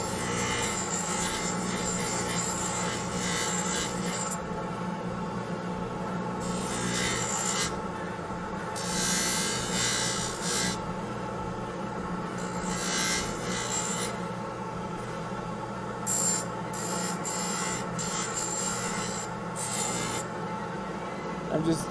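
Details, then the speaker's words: Bulk trimming of acrylic with an aluminum oxide wheel on a dental lathe, making a Hawley appliance with anterior finger springs to close a diastema: continuous rasping, grinding hum with intermittent louder scraping passes, faint background music. "so then I have an aluminum oxide wheel and I use that for uh a lot of the ouch I use that for the bulk trimming"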